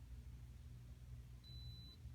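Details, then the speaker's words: Vital signs demonstration: a tympanic thermometer with a probe cover is inserted in the patient's ear, which is pulled up and back, and the button is pressed. A single brief high beep over low room rumble signals the temperature reading is ready. "for the beep and the patient's temperature will be on the screen"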